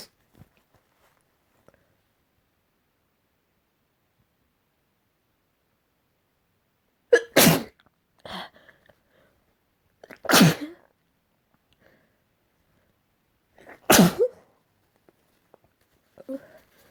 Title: Variety sneezes